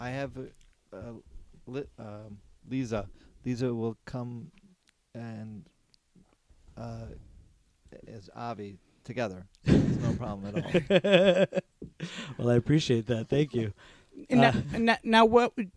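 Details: Aphasia in an adult man, a former paramedic, after a stroke during surgery about eight and a half years earlier. For about a year he could say only one word. He has ongoing speech therapy and has word-finding difficulty.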